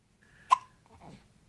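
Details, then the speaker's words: A baby with hiccups: a single sharp, brief hiccup with a quick vocal catch, followed by a soft breathy sound. "um hi baby hi how are you what how are you do you have the hiccups are you feeling a little hiccuppy yeah"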